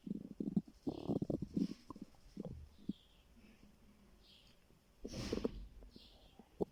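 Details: Stomach growling from hunger in a person who says they were starving: soft gurgles and low rumbles with short squeaky bursts, typical of an empty stomach.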